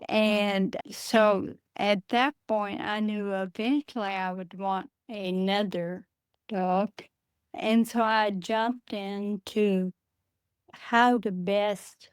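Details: Adult woman with Friedreich's ataxia, a rare progressive neurodegenerative disease diagnosed at age 23, which she says affects her speech and can cause swallowing difficulty; wheelchair user; ataxic dysarthria.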